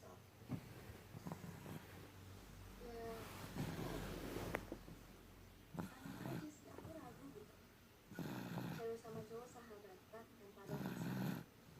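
Rough, rattling snores during sleep breaths, with some low room noise.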